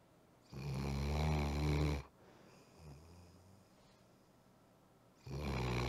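A sleeping dog gives loud, low, rumbling snores, one long snore then a quieter breath and another starting.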